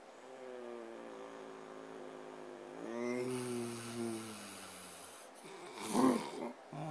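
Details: Snoring that recurs every night.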